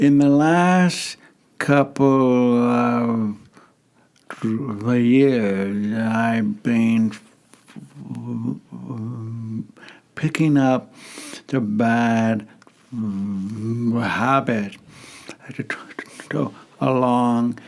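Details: Stuttering in an adult male who lives with a stutter.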